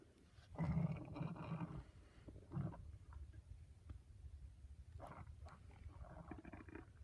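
Low, rolling gurgles and rumbles in a quiet room, two louder swells then fainter ones; ordinary stomach growling.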